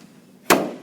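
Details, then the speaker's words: Zenith 440 Thompson technique chiropractic drop table, selector set to raise pelvic, lumbopelvic and dorsal-lumbar drop pieces in a demonstration: a single sharp mechanical clack as a drop piece raises and locks into place; normal device sound. "so as you can see we put on pelvic and it just raised the pelvic drop piece lumbo pelvic raise them both dorsal lumbar boom"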